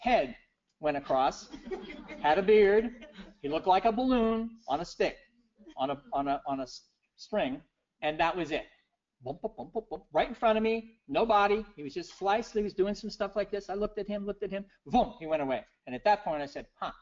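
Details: Adult man with persisting aphasia after a stroke in 2011, years into recovery following aphasia therapy; notes he still makes errors such as wrong numbers; aphasia.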